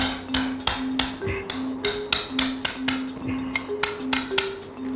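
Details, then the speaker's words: Rescue dog with deformed front legs and luxating kneecap undergoing patellar surgery: rapid regular sharp metallic taps with ringing, about thirteen strikes in five seconds, as a chisel cuts a sharp piece of bone to reposition it; surgical bone chiseling. "so we've chiseled that sharp bit of bone nearly off and now I'm going to create the bed to push it further out where it should have been"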